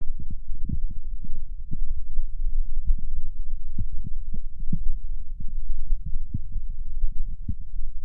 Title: ADMR stomach noises (stomach sounds) stomach growling